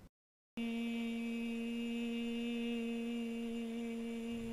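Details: Adult voice, sustained vowel; improved voice after treatment of fungal laryngitis.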